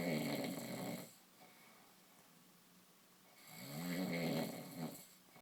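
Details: Person snoring: two slow, rattling inhaled snores with a quiet pause between them; ordinary snoring.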